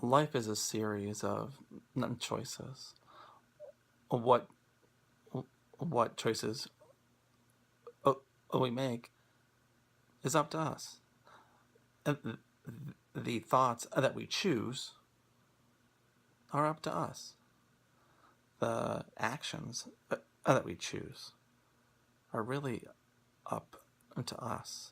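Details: Person who has stuttered since childhood, long avoided it, and now applies acceptance and commitment therapy (ACT) principles of acceptance and willingness; stuttering.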